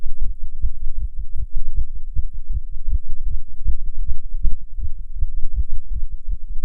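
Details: Non-smoker's heart while smoking a cigarette: rapid, steady low thumping heartbeat with paired beats close together and a faint hum; nicotine-induced tachycardia.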